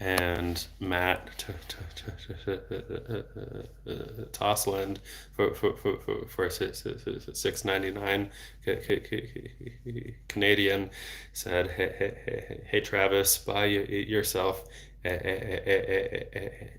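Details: Adult male who has stuttered since age 8, with speech therapy off and on until his early 20s; severity varies in cycles and is worse in foreign languages. Word and part-word repetitions heard. Finding: stuttering.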